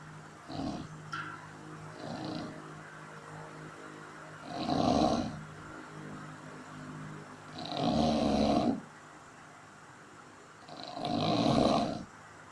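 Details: Sleep snoring: repeated rough, rattling snores on each in-breath, about 19 breaths a minute, with quieter breaths between; typical heavy snoring.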